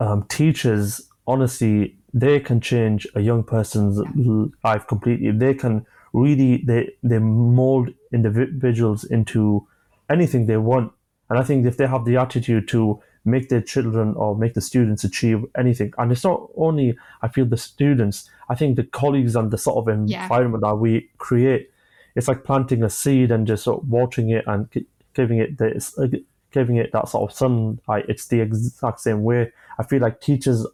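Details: 25-year-old man who has stammered since early childhood; he says it began after an asthma attack, involves blocks, and he manages it with breathing methods and pauses; stuttering (stammering).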